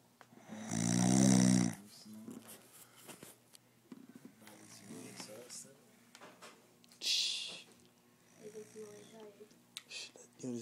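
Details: Person snoring, reportedly after drinking alcohol: a loud rattling snore on the in-breath, then quieter breathing with soft noises in a small room.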